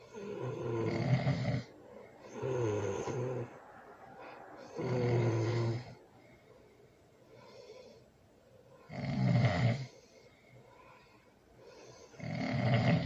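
Loud, rough snores on each breath in, about 14 a minute, with quieter breaths out between them.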